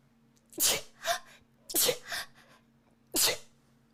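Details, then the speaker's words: Three sharp sneezes in quick succession over light room hum; the sneezer jokes about being allergic and has been sneezing a little since a swab up the nose. "did you guys know that if you sneeze three times it means you get money so i'll just wait because oh"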